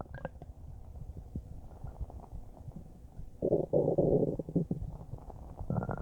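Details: Normal bowel sounds (borborygmi): stomach gurgling and churning recorded about a minute after eating a huge bowl of spaghetti, settling into small gentle gurgles.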